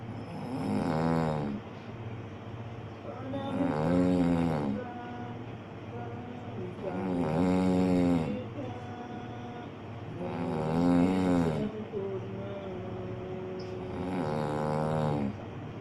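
Loud, regular rattling snores on each in-breath, about 18 breaths a minute, with steady low background hum; ordinary snoring.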